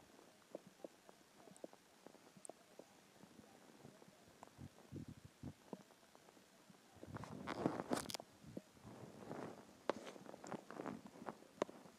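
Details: Stomach growling after skipping lunch: soft irregular gurgles and clicks, then a louder rumbling stretch; normal hunger borborygmi.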